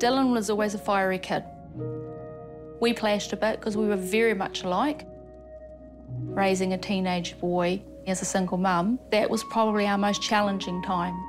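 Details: Adult woman speaking; normal speech.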